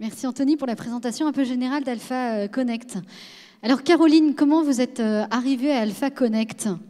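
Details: Adult woman speaking; normal voice.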